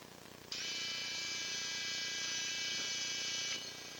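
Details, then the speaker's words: Steady high-pitched surgical drill whine of about three seconds, starting and stopping abruptly: small drill holes made in the flexed left knee to stimulate healing during arthroscopic ACL reconstruction with an 8 mm quadrupled hamstring graft. "as we flex the knee it becomes a little bit easier to see where we're talking about a couple drill you can make a few little drill holes just to try and stimulate a little bit of healing but"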